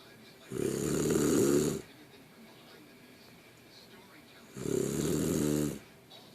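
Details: Person snoring: two loud, rumbling snores about four seconds apart with quiet breathing between them, ordinary snoring.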